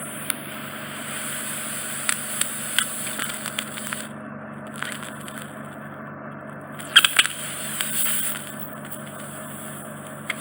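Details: Steady hissing suction with a low hum and scattered crackles and clicks as wax enters the tip during microsuction of a large, deep impacted wax plug in a man's right ear canal causing reduced hearing.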